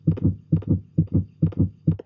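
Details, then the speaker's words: Regular paired low lub-dub thumps at about 130 beats a minute: a heart beating, shown with some of the fibrous coating of the heart and great vessels removed in an educational cardiovascular lecture. "If we remove some of the tough fibrous coating of the heart and great vessels, you can get a better look at the heart beating."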